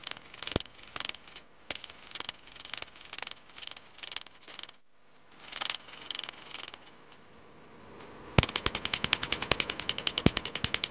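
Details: First session of laser removal of a Mahadev tattoo: rapid sharp snapping pops in bursts, about 150 a minute, as the tattoo removal laser fires on the skin.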